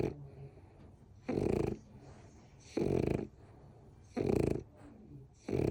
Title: ￼ Snoring